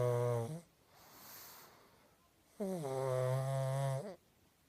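Loud, drawn-out, humming snores from a pug on breathing in, with a quiet breath out between.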